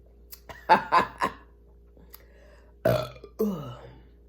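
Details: A quick run of three short belches, then two longer, deeper ones; deliberate repeated burping after drinking cherry Sprite.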